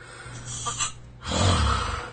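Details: Sleep apnoea patient, news report: a brief choking gasp as breathing seems to stop, a short silent pause, then loud low snoring resumes; obstructive sleep apnoea with choking gasp.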